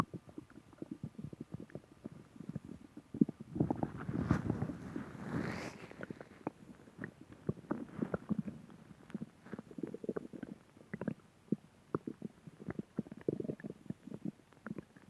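Soft crackling gurgles with a longer rumbling swell near the start, consistent with stomach growling.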